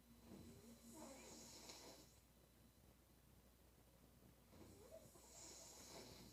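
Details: Two noisy, rasping snores on breaths in from a sleeping female, separated by a quieter pause, with background hiss; ordinary snoring.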